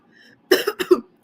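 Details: Adult woman: a short cluster of three quick cough bursts in a row, a brief coughing fit.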